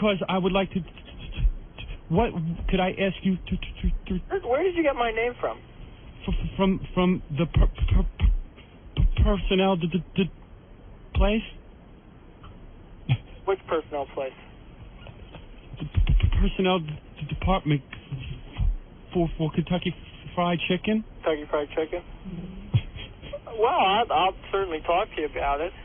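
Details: Adult man imitating a stutter while posing as a high school student on a prank phone call: stuttering (imitated, not real).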